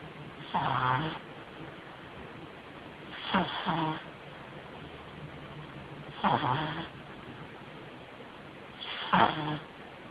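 Four rough, rattling snores at about 21 a minute with quiet pauses between them, from a sleeping puppy.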